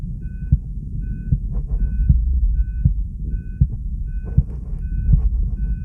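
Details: Steady, regular heartbeat at about 78 beats a minute with ECG monitor beeps; normal heart sounds.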